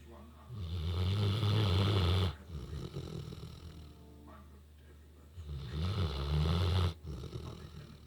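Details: Female Newfoundland dog fallen sound asleep while being groomed and brushed, loud snoring: two long, deep, rumbling snores on inhalation with quieter breathing between.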